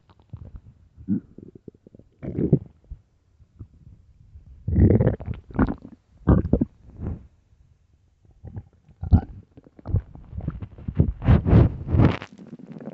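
Loud, low gurgling and rumbling bursts from the belly, some long and rolling; hunger-related stomach growling, a normal bowel sound.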